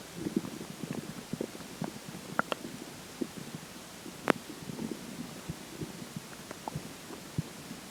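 Irregular low gurgles and rumbles with a few sharper pops against quiet background, typical stomach growling from gas and fluid moving through the gut.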